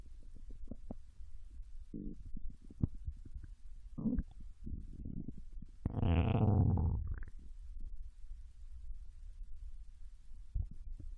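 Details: Japanese girl's abdomen digesting ramen and potato chips: low gurgles and rumbles with one long loud growl, ordinary digestive bowel sounds.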